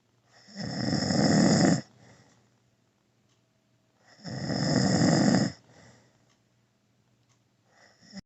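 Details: An adult man (a father) snoring heavily: two long, loud rattling snores on the in-breath with quiet pauses between, about 16 breaths a minute; ordinary heavy snoring.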